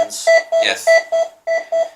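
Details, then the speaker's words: AED metronome beeps a little under two per second pacing chest compressions during a defibrillator awareness demonstration, 30 compressions to two breaths. "so this little alarm is actually telling you the beach to actually give"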